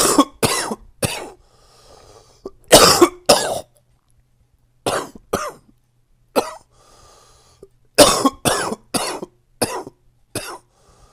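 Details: An adult with a current cold coughs in short clusters of one to five harsh coughs, about fifteen in all, with quiet pauses.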